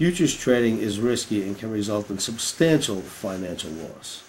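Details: Adult male speaker; normal voice.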